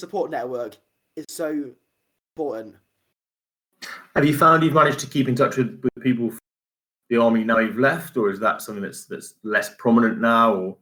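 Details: Adult male speaker; typical speech.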